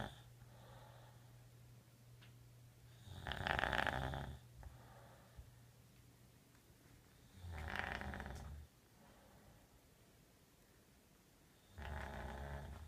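Three long, harsh, rumbling snores about four seconds apart, roughly 14 breaths a minute, with a steady low hum behind; snoring.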